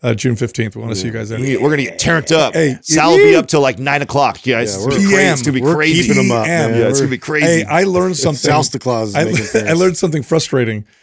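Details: Adult men in conversation; Normal voice.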